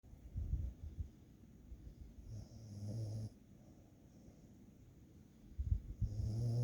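Low, soft snoring breaths from a sleeping dog, a few snorting inhalations with quiet gaps; ordinary snoring.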